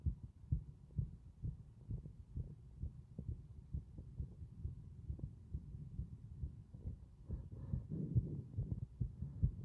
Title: 呼吸音多めな心臓音